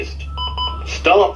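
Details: Defibrillator training demonstration in an OSCE: steady electronic alert tone after rhythm analysis, then a voice begins speaking over a low room hum.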